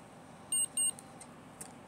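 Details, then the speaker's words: Two short high-pitched beeps in quick succession over quiet room noise. The insulin pump pod signals as its needle inserts during a pod change. The previous pod fell off the arm with a bent needle. "there go the two beeps"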